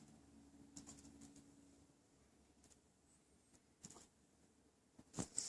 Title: Puppy Hiccups